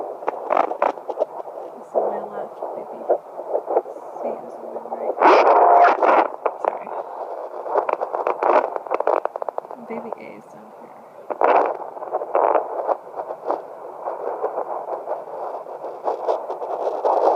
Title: Triplets fetal Doppler. 11 weeks.